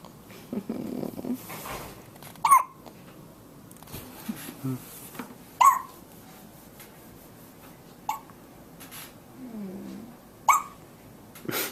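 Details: Newborn baby boy, one day after birth: several small, abrupt hiccups at irregular spacing, with faint whimpers and room noise: hiccups.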